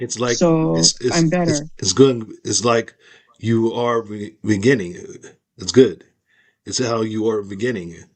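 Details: Aphasia after a stroke in an adult woman; speech shows word-finding pauses, restarts and repetitions.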